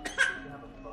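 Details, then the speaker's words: Infant who has been coughing and given medicine, thought to be getting sick: two quick, soft coughs, the second a little louder, with quiet room noise afterward. "she has gotten medicine because like I said I think she's getting sick she's been coughing"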